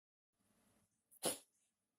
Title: my cat sneezing